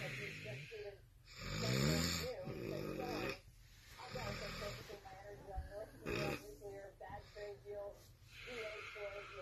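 Irregular snorting, rattling breaths mixed with voiced groaning sounds during sleep; noisy snoring.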